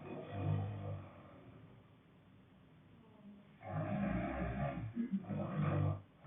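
Two loud, rough, growling snores with a quiet pause between them; harsh vibrating snoring.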